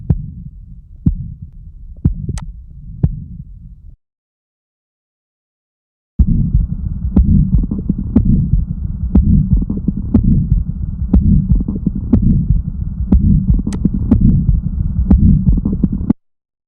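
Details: Subaortic stenosis murmur, with the condition described as HOCM (hypertrophic cardiomyopathy): a regular heartbeat at about 60 a minute with a continuous rushing murmur filling the cycle.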